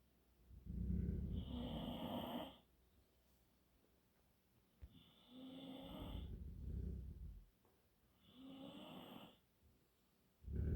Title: one dog growling, another snoring!!